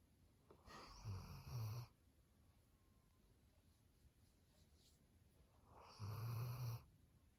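Two low, rattling snores about five seconds apart over quiet room hiss; ordinary snoring.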